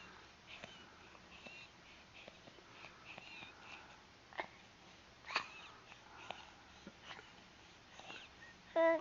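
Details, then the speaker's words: Young girl in respiratory distress with audible wheezing: soft, high-pitched whistling with her breaths, alongside visible supraclavicular retractions. "okay so what I noticed in this young lady um as far as breathing patterns you can out you can hear audible wheezing them with this little girl"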